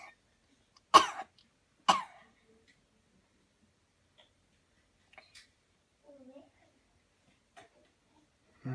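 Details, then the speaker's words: Voluntary cough: on command after deep breaths, two sharp, deliberate coughs about a second apart, then quiet breathing and faint sounds. "Okay, here we go. Breathe in deep, deep, deep, cough. Again, cough."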